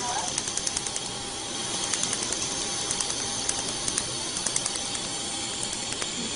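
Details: Tattoo removal laser firing on a leaf tattoo, with cold air cooling, patient told to breathe steadily: rapid sharp clicking pulses, a few per second, over steady hiss.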